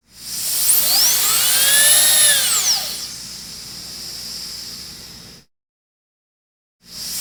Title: Dentist Drill Sound Effect - Sonido Torno de Dentista - Effet sonore de forage de dentiste